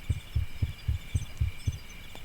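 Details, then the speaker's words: Rapid, regular low thumps at about 170 per minute from a community-uploaded heartbeat sound effect, remarked on as very quiet and not sounding like a real heartbeat; fast heartbeat. "Oh, that's a very fast heartbeat. Also, very, very quiet."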